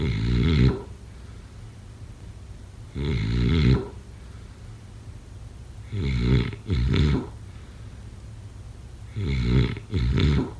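Loud, low, vibrating snores that come singly or in close pairs, about every few seconds, with quiet pauses between them. Heavy snoring.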